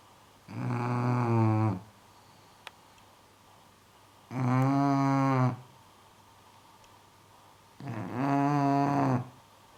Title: LOULOU - FUNNY SNORING DOG BULLDOG ENGLISH